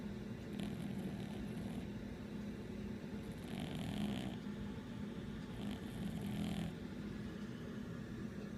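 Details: Sleeping cat snoring quite loudly: three rhythmic, raspy breathing noises about every three seconds over a steady low hum.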